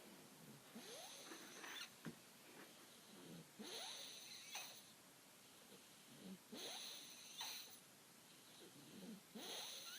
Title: Snoring baby